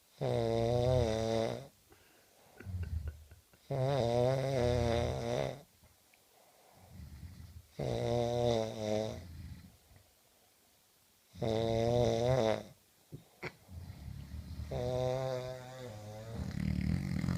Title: Two friends snoring around me